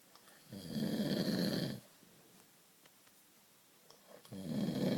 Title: snore snore snore !